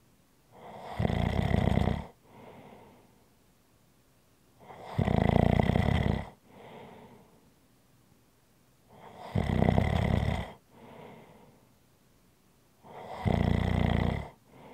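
Loud, rough, low-pitched inhaled snores alternating with softer exhaled sounds, about four breaths over fifteen seconds: ordinary snoring.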